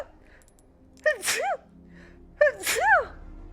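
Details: Female Twitch streamer sneezing during a live stream: two quick sneezes in a row, each a sharp intake followed by a high-pitched burst; ordinary sneezing.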